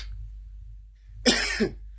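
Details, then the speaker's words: One short, sharp demonstration cough with a brief second burst, in a quiet room, from a Swedish vocabulary lesson; cough. "Jag hostar."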